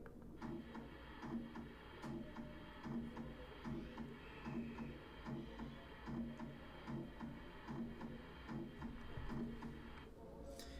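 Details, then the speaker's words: Aortic stenosis murmur teaching example: regular heartbeat near 70 a minute with a harsh midsystolic murmur. "si se dan cuenta este soplo es super característico y obviamente no hay razón por la cual se nos pueda pasar por alto"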